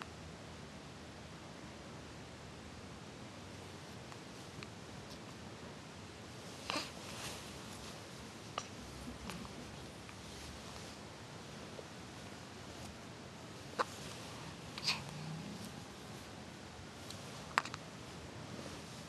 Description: 1 week old hiccups